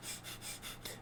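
Quick, shallow breath puffs follow one another with almost no pause, an imitation of very fast breathing: tachypnea.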